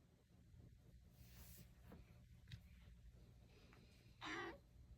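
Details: Soft gurgles and a louder bubbling rumble from a Cavapoo dog's belly: ordinary digestive bowel sounds (borborygmi).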